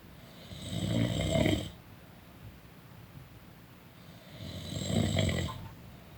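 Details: Person snoring during a nap: two long, rumbling inspiratory snores about four seconds apart, quiet breathing between.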